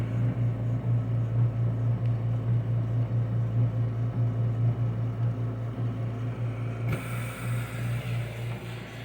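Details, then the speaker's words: Invacare HomeFill oxygen concentrator and filling compressor running together, power draw varying with the concentrator's cycling: loud, steady low motor hum with a rhythmic throbbing pulse about two a second. "and uh the Watts go up and down with the cycling of the condenser or concentrator"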